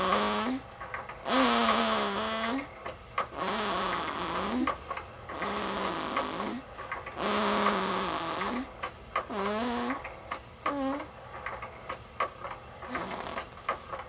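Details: Snoring from a sleeping baby boy: repeated squeaky, whistling snorts and short rising noises with brief pauses, noisy infant sleep breathing.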